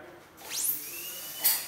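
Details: Demo of a newly assembled dental chair: a high whine sweeps up as the drill spins up, then holds a steady high-pitched tone; dental handpiece running normally.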